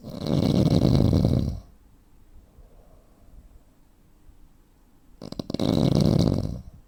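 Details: 43-year-old man, 85 kg and 165 cm, snores loudly in real life. The snoring stops for seconds of silence, then restarts with a sputtering snort: breathing pauses typical of sleep apnea.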